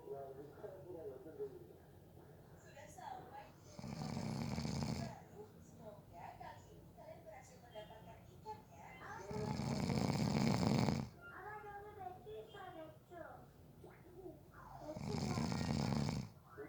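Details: Snoring during a nap, person fell asleep within 30 seconds: three loud rough in-breath snores several seconds apart, quieter breathing and faint background voices between.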